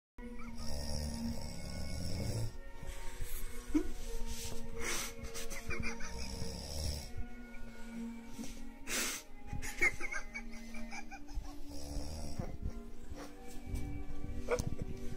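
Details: Adult woman (the uploader's mother) snoring: loud, deep, rumbling snores on repeated breaths, likened to a plane engine, with a whistling edge and some background sounds; heavy snoring.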